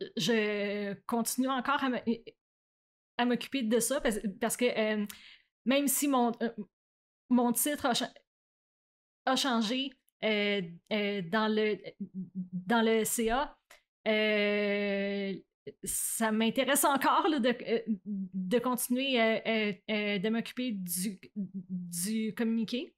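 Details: Adult woman who stutters, president of a stuttering association; French speech; stuttering.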